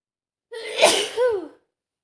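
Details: Female sneezing all day, fears another cold coming on; one sharp sneeze with a voiced burst at its end.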